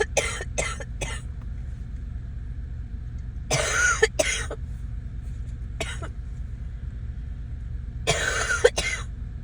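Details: Coughing during an illness: three bursts, each a quick run of two to four coughs, over a steady low background rumble.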